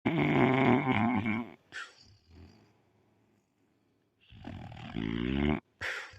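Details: Pit bull dog snoring while asleep: loud, rough, rattling sleep breaths in two bursts with a long quiet pause between them.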